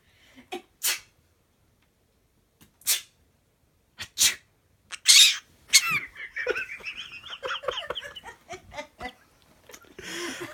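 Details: A pet parrot imitating a cough and sneeze to summon its owner: short, hissy sneeze-like bursts and rough cough-like sounds, mimicry rather than illness.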